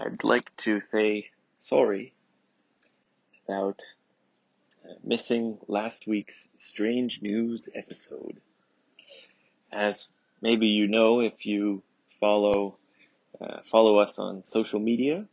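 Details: Adult male speaker; normal speech.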